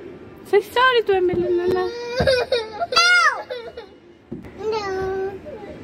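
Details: Young child crying, upset after her younger sister refuses to let her sit beside her and pushes her: high, wavering wailing cries with sobbing catches and breaths between bursts.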